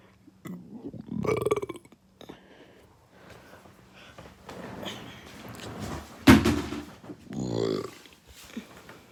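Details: Several loud, long, rumbling belches, one very forceful, with quiet room noise between, described as violent burps caused by fast food; belching.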